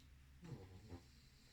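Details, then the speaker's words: A sleeping dog in a quiet room gives two soft, low rumbling snores; snoring. "hop là il ronfle vous l'entendez mon bébé d'amour qui ronfle aussi là"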